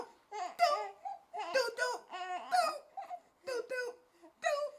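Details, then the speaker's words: One-month-old baby boy fussing with short, rising cries in bursts, hungry again and about to start screaming before a feed. "You hungry again? See, he hungry right now."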